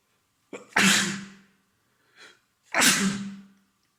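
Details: Two forceful sneezes, each led by a sharp indrawn breath, with a brief sniff between, from an adult man with a common cold; three days of congestion, a stuffed yet runny nose and a sore throat.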